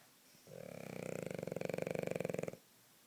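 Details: Snoring in a little girl during a nap: a single long, buzzing, fluttering snore of about two seconds, growing louder, in a quiet room.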